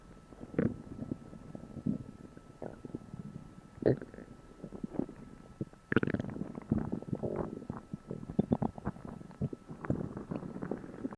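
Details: Belly sounds after eating a meal for the first time in a while: frequent loud gurgles and crackling rumbles growing busier halfway through; active bowel sounds (borborygmi).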